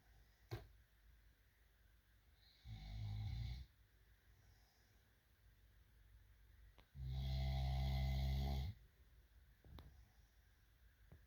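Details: Two deep, rumbling snores separated by quiet breathing in a sleeper in a quiet room; ordinary snoring.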